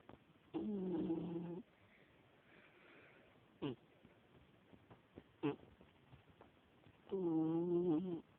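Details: A 17-year-old female cat snoring while asleep.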